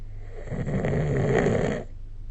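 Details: Low, rough, rattling snore from a sleeper, with snorting sounds around it, recorded with the SnoreLab app.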